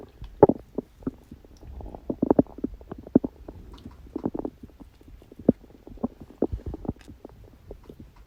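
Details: Stomach growling (borborygmi) after eating cake on a birthday: a steady run of bubbly gurgles and small pops from the abdomen, normal bowel sounds after eating.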